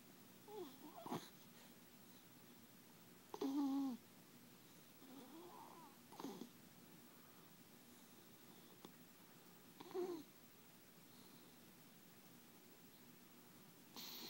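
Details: Mayzie, a sleeping cat: quiet, irregular nasal breath noises with several short snorts over a steady room hum; light snoring.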